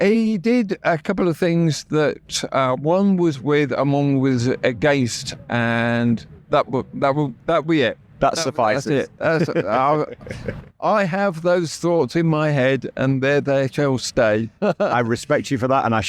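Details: Adult male stroke survivor with right-sided paralysis who had to relearn speech, leaving hospital able to say only three words, with persistent aphasia where intended words come out differently; aphasia after stroke.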